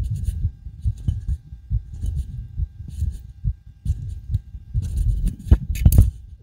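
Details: Own heartbeat recorded with a DIY stethoscope right after backflips and bouncing on a trampoline: fast, heavy, forceful low thumps, with rubbing noise near the end; rapid forceful heartbeat after strenuous exercise.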